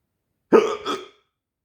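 A single sharp hiccup: a sudden voiced gulp with a short trailing sound.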